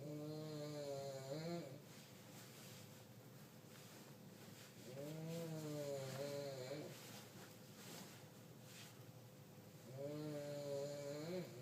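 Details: Elderly woman (grandmother) snoring loudly enough to keep others awake: three long, rattling, buzzy snores on slow breaths in, with quiet gaps and a steady background hum.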